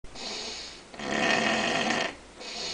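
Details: Rough, noisy snoring with a loud rattling inhale between quieter breaths in a small room, the snorer laboring through the belly; snoring.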